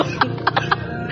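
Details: Man at a vape community event, pranked into inhaling cold vape liquid three times; a rapid burst of about five harsh coughs in one second, a coughing fit right after inhaling the vapor.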